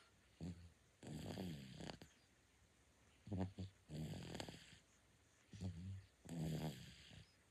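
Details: Soft, low, rumbling snores with each breath, about 26 breaths a minute, irregular; common snoring of a 9-month-old infant during sleep.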